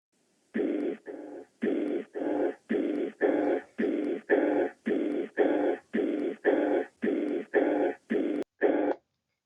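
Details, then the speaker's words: Mitral regurgitation murmur, heard at the mitral focus and usually radiating to the axilla: a regular blowing murmur filling each systole. "En la insuficiencia mitral el soplo se escuchará en el soplo mitral en el foco mitral y tendrá una irradiación usualmente a axilas"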